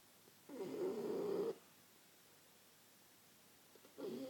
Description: Bosie resting and struggling for oxygen as usual.